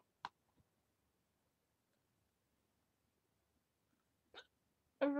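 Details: Hiccups while talking: a few brief, sharp gulping catches a few seconds apart, then a short voiced sound, in a quiet room.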